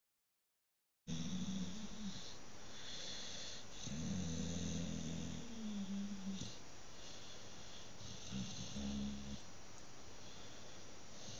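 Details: Soft, low rattling breaths in and out from a sleeping dog after a brushing, over steady room hiss; dog snoring.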